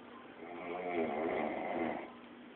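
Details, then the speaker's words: Adult man passed out drunk on a bed around 7 am, snoring (companion remarks he can't breathe): one long, rough, rumbling snore heard over a muffled, narrow-sounding recording. "look at you pass out snoring yes that's the sound of you pass out s on my [ __ ]"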